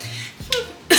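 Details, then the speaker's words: A young woman with Tourette syndrome tics more after suppressing tics during an Uber ride: a brief voiced grunt followed by a sudden harsh cough-like burst, a simple vocal tic. "A lot of tics are coming out because I did a decent amount of suppressing on the in the Uber"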